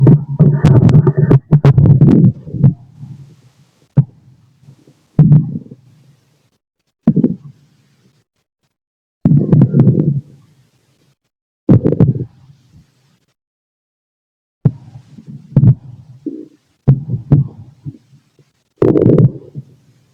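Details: Male adult abdomen heard through a stethoscope while digesting lunch: irregular gurgles and low rumbling bursts, with faint heartbeat thumps in between; normal bowel sounds.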